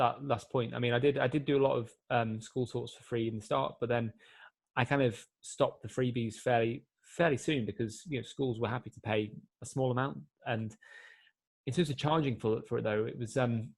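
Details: 24-year-old man who has stammered since he could speak; it has been more controlled since a breathing-technique course, but he still gets complete blocks; stuttering (stammer).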